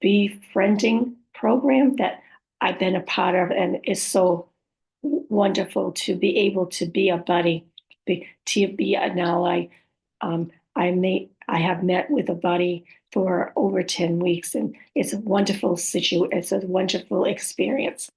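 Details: Woman with post-stroke aphasia, apraxia of speech and dysarthria, who says her speech can be hard to understand at times; aphasia with apraxia of speech and dysarthria.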